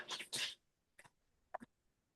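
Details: Stammer with speech blocks, demonstrated by an adult male actor. He had it growing up and attributes it to where he grew up and how his father treated him.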